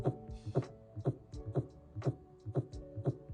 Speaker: this is your normal Tac cardia is a heart rate over 100 beats per minute sometimes it can be reactions to outside influences like caffeine or being scared but other times we may have some sort of electrical wiring issue causing the heart to speed up